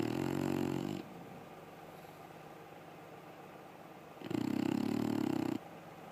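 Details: Rio, a sleeping dog, snoring: two loud, buzzing, rattling snores on the in-breath separated by a quiet pause of about three seconds.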